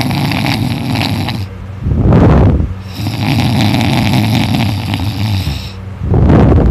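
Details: Young student snoring loudly in sleep after staying up late studying; rough, low rattling snores on slow breaths, two cycles with quieter pauses; snored all night, throat sore afterward.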